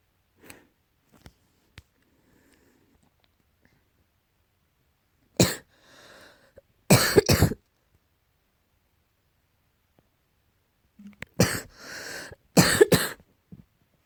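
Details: Cat coughing, tagged as allergy: two bouts of short, harsh, dry hacking coughs separated by quiet pauses.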